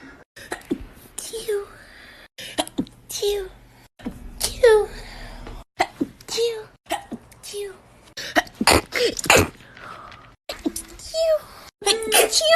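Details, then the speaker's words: A run of separate sneezes from different people, with short voiced build-ups, laughter and talk, including someone trying to make themselves sneeze with a piece of grass; compilation of sneezes collected from TikTok. "trying to make myself sneeze in less than 15 seconds with a piece of grass"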